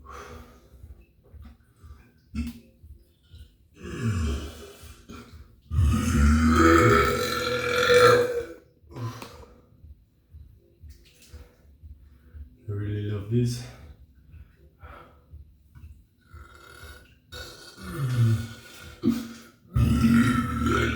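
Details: Deliberate burping performance: repeated loud, drawn-out burps with short pauses between, in a small room; belching.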